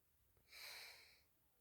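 A single forceful, hissy breath through the nose, a snort-like sniff, in a quiet room.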